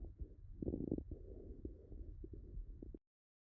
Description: Recorded in a middle-aged man with right lower lobe pneumonia. You will hear tubular breath sounds, rales (crackles), bronchophony, and whispered pectoriloquy.